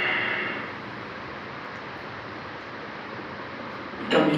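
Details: Slow breathing pattern with long quiet pauses between soft breaths, bradypnea.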